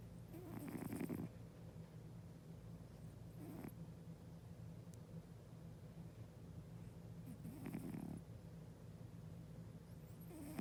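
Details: Sleeping cat's low, rough snoring repeating steadily at about 17 breaths a minute, quiet breathing between; ordinary sleep snoring.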